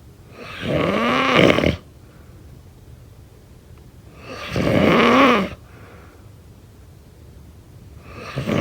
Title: #snoring #sleepnoises #snoringasmr #sleepsounds #snoringsleepingsoundeffect #snoringsounds